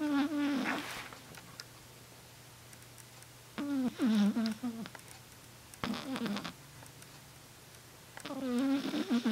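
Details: Snoring in a sleeping Shih Tzu dog: four rattling, whistly, nasal snores every two to four seconds with quiet pauses between them.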